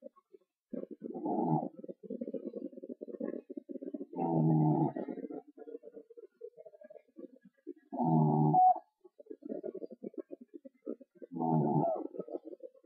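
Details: Pet animal fast asleep, snoring: rattling, fluttering snores on each breath, with louder rough bursts about every four seconds; noisy sleep breathing.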